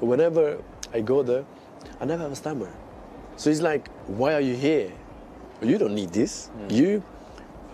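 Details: Adult male footballer whose stammer began suddenly at age six; stuttering.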